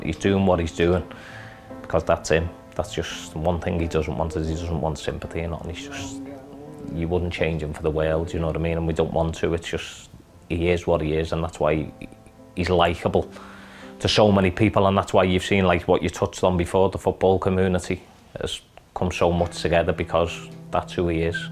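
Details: Adult male speaker; normal speech.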